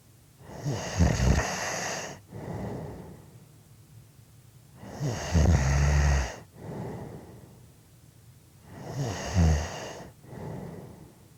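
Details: Loud, rattling snores on each breath in, about 15 a minute, with quieter breaths out between them; typical snoring.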